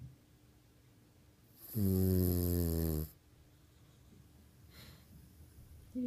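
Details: Snoring: one loud, low, rattling snore lasting over a second on an in-breath, then quiet breathing in a small room; a CPAP machine is mentioned nearby.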